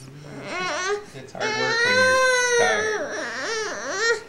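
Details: A six-month-old girl, very tired after a morning of tummy crawling and about five minutes from falling asleep, gives whiny, rising and falling fussy cries with breaks between them. Ordinary infant crying.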